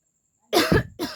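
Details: Two harsh coughs in quick succession, the first throaty and rough, from a person with a cold, recorded for a coughing challenge.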